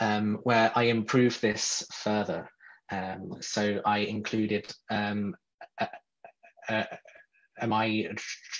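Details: Real adult man who describes himself as a person who stutters, speaking in a podcast interview; stuttering.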